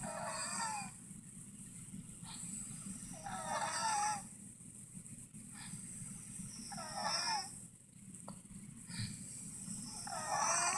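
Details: Elderly woman in a nursing home after hospitalization, face and neck swollen, reportedly after contracting MRSA: loud, musical, whistling wheezes with each breath, about 18 breaths a minute.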